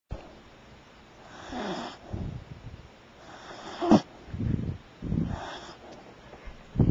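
Low rattling snores on each breath, with soft whistling exhalations between them, about 20 breaths a minute; snoring.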